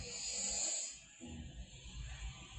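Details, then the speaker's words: Phone-app recording of an adult's overnight snoring, made in December: a harsh, strangled-sounding gasp followed by low rattling snores; the sudden gasping suggests a preceding apnea from a closed airway, suggestive of obstructive sleep apnea. "근데 유추할 수 있는 게, 갑자기 숨을 몰아쉴 때는 그 앞에 무호흡이 있었기 때문에 숨을 이렇게 몰아쉬는"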